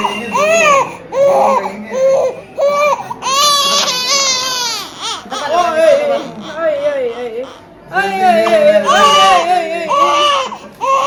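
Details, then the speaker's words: Infant girl about 6 weeks old crying after vaccination injections in leg and right shoulder: loud, rhythmic wailing cries with short pauses, easing toward the end. "after टीका is done ओए ओए camera देख के रोने लग गई"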